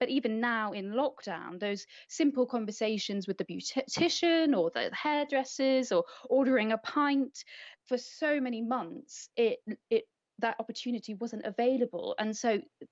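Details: Adult woman speaking; typical speech.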